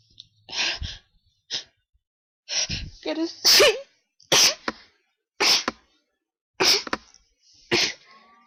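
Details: Ongoing sneezing attack attributed to high pollen, with an attempt to announce each sneeze: about seven sharp sneezes in quick succession, some preceded by gasping in-breaths; a sneezing fit.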